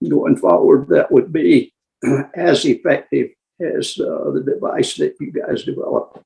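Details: Adult man with adductor spasmodic dysphonia, treated with Botox injections and nearing his next injection with worsening voice strain; has also tried vibro-tactile stimulation (laryngeal vibration); adductor spasmodic dysphonia.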